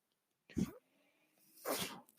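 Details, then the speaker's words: Mechanical ventilator breath cycle audible in the background while a ventilator-dependent adult man speaks. "Hello, everyone. My name is. That noise you're hearing is my ventilator."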